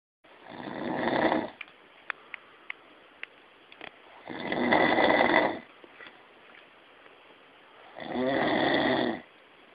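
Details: Three loud, rough snores at steady intervals, about 16 a minute, with quiet pauses and faint clicks between: snoring.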